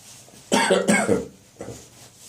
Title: Autumn Morning Coughing & Gagging 2